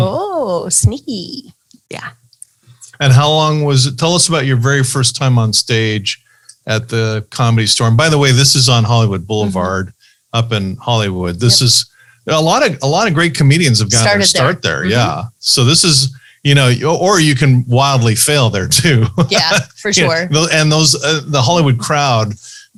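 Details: Adult male speaker; normal speech.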